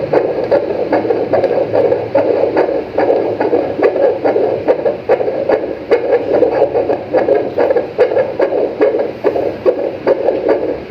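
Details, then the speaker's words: Rapid, regular whooshing fetal heartbeat on Doppler ultrasound, heart rate 139 per minute, in a pregnancy with a baby girl and an anterior placenta of grade 2 to 3; normal fetal heartbeat. "Dinig mo, ma'am. Yun yung heartbeat. Heart rate is 139."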